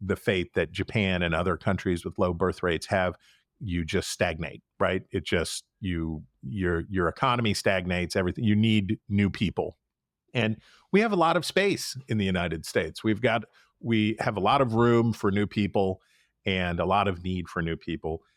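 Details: Adult male speaker; Normal speech.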